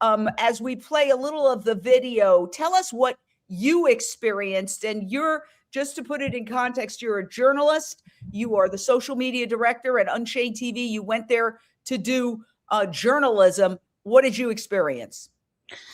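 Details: Adult speaker; normal voice.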